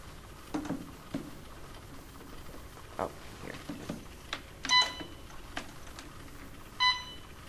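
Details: Soft button clicks and two short electronic beeps while programming a secondary channel B on an Alaris IV infusion pump in an instructional demonstration; keypad tones.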